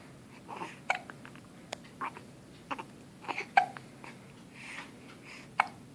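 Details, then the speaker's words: Baby with about five short, sharp hiccups in six seconds, with soft babbling and fussing between them; hiccups. "got the hiccups? You got the hiccups?"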